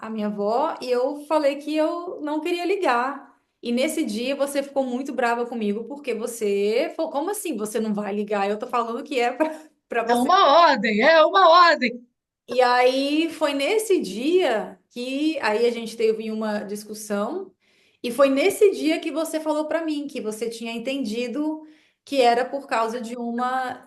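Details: Woman who stutters, speaking Portuguese; stuttering.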